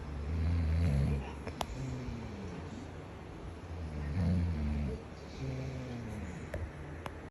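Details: Loud snoring from a sleeping man, recorded by his wife: low, rough rumbling breaths rising and falling slowly, about 17 a minute, with a few clicks in the room.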